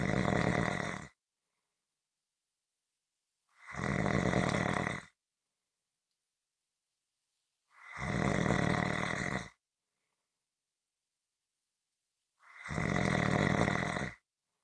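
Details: From a 15-minute snoring recording: four loud, rough snores, each about a second long and roughly four seconds apart, with silence between; steady, rhythmic snoring.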